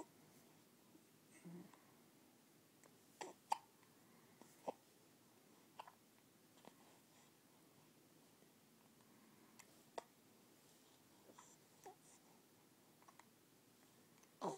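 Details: Quiet room with faint, short, sharp catches of breath repeating irregularly, about ten in fourteen seconds; hiccups in a 2-week-old baby, normal at this age.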